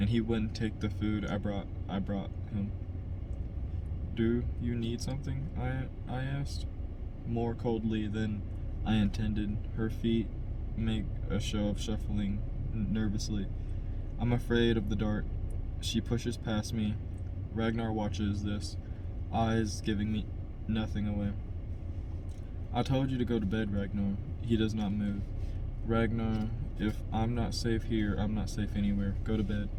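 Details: Adult man who stutters reading a novel chapter aloud as practice to help his stutter; stuttering.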